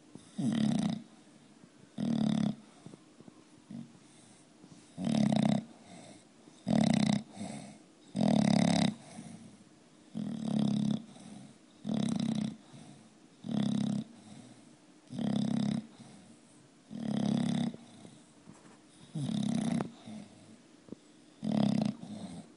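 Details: Loud, regular rattling snores from a sleeping bulldog, each breath producing a rough fluttering noise: snoring.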